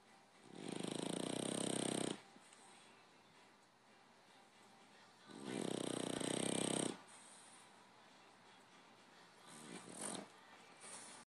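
Loud, rattling snores on each breath in, about two long snores with a softer third, separated by quiet breathing out: snoring.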